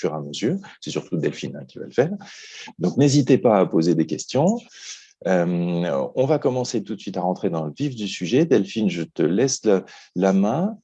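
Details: Adult male speaker; Normal speech.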